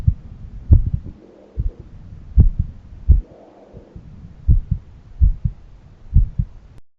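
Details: Own heart auscultated by stethoscope at a valve area: regular paired low thumps at about 75 beats a minute, a soft whooshing between some beats; normal heart sounds.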